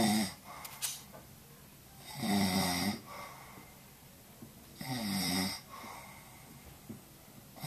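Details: Man snoring during sleep, recorded with a Flip Video camera: two long rough snores about three seconds apart over steady room hiss.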